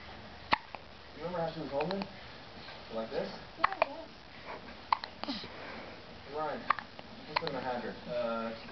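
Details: Repeated hiccups: sharp, abrupt hiccup clicks recurring about every second between bits of voiced sound.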